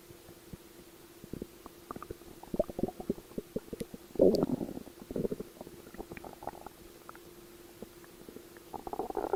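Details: Stomach growl: irregular gurgling and crackly rumbles with a brief louder surge, ordinary borborygmi.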